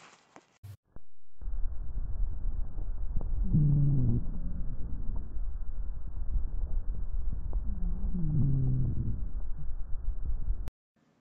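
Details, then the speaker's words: Low-pitched snoring, rumbling sounds across two breaths, a continuous added sound from narrowed airways filled with secretions; rhonchi, demonstrated for chest auscultation teaching. "las sibilancias se escuchan de esta manera por otro lado los roncos de esta manera"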